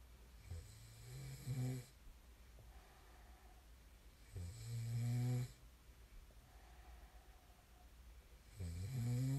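Slow, low rumbling snores on each breath in, about 15 a minute, with quiet pauses between them.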